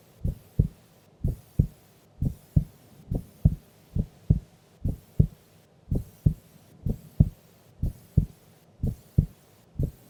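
Steady lub-dub heartbeat, about 62 beats a minute, clear and regular; resting heart at sleep.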